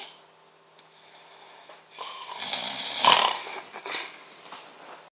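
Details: Loud, epic snoring: a single harsh, noisy, rasping breath that swells and fades over a few seconds.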